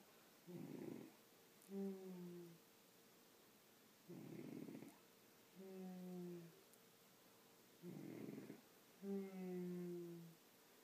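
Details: Snoring in sleep: rough rattling snore on each inhale, then a whistling, whining exhale; about 16 breaths a minute.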